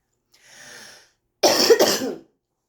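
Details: Female smoker coughing while smoking a cigarette, with airway congestion: a soft breath in, then one loud, harsh, rough congested cough; smoker's cough.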